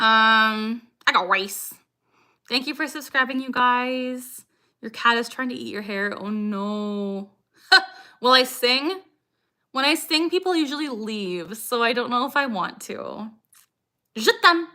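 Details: 26-year-old woman with Tourette syndrome, tics since age 3 or 4, diagnosed at 12; her frequent "I got rice" vocal tic has lasted about six years, and her tics increase when discussing Tourette's: Tourette syndrome vocal tic.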